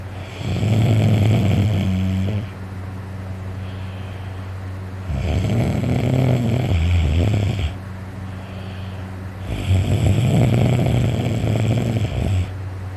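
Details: Very tired person sleeping, reporting a sore throat from snoring: loud, heavy, rumbling snores on each breath, about three breaths in 13 seconds, steady low background hum; loud heavy snoring.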